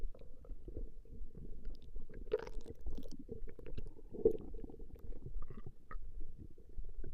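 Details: Recording of a woman's stomach growling: low, irregular, continuous rumbling and gurgling from the belly as gas and fluid move through the gut; ordinary stomach growling (borborygmi).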